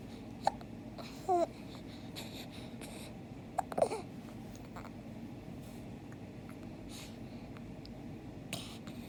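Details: Several brief, sharp hiccups at irregular intervals from an infant boy in a quiet room; hiccups.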